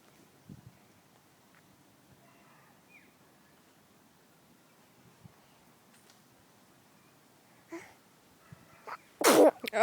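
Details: Outdoors in the sun: mostly quiet, then a short snuffle and a sudden loud burst at the end; a single sneeze.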